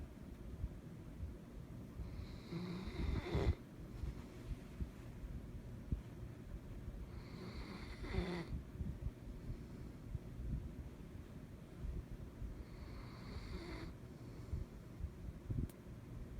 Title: German shepherd snoring